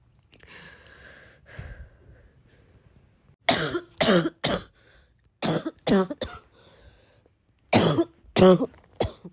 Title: i’m just a girl with a bad barking cough 🥲